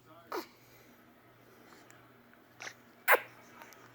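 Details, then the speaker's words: Dog with hiccups, also giving a burp; three brief, sharp gulping sounds at irregular spacing: hiccups. "he sucks the hiccups."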